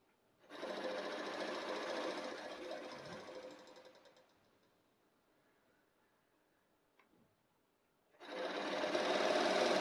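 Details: Aerobika oscillating positive expiratory pressure (OPEP) device demonstrated by a respiratory physiotherapist: long exhalations with rapid fluttering buzz from the oscillating valve, back-pressure to loosen phlegm for chest clearance; oscillating PEP device during exhalation.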